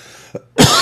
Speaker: I can't stop coughing. I don't know what the hell's going on.